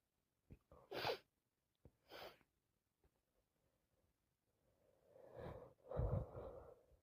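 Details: Sneezing with a common cold: two quick, sharp sneeze bursts, then a longer noisy breath and a louder, fuller sneeze.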